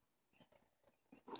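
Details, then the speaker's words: Fetal heartbeat on a handheld Doppler in a 15-year-old's pregnancy: faint, quick whooshing pulses. "ok guys can hear the heartbeat boom boom leave me boom boom boom you guys can hear that that's the baby so she's right here"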